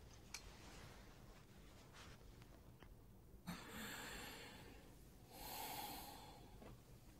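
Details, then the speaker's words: Nursing training demonstration on a simulation manikin: soft rushing breath sounds over two smooth breath cycles, with no crackles or wheeze. Simulated normal breath sounds. "so as you listen I'll have you listen first to what normal breath sounds would sound like"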